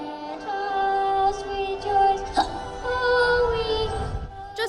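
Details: A 7-year-old boy sings the national anthem at a baseball game; his slow melody is broken by sudden short gasping jolts, hiccups interrupting the song.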